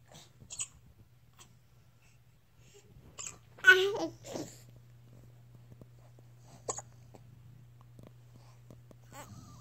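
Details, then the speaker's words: Hiccups, with a stomach grumble also noted: several short, abrupt catching sounds at irregular gaps over a steady low hum. "Oh, there you go. Dexter. Those are some hiccups, pal. Oh, buddy."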